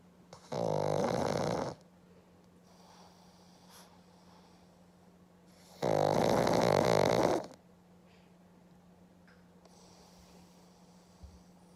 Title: 月曜の朝からイビキが激しい黒パグ!!A black pug that has been snoring since Monday morning!